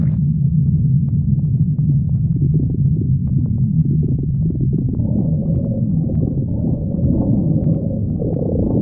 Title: stomach growling 5